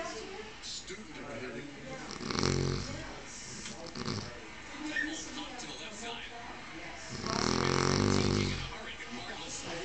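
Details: Deeply asleep person snoring: loud, rough, rattling snores on inhaling, two main bursts about five seconds apart, with quieter breathing between.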